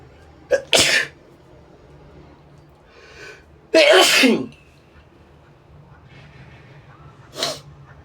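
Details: Deliberately induced sneezes, provoked by tickling the nose with a brush: three forceful sneezes with sharp explosive bursts after quiet breathing pauses.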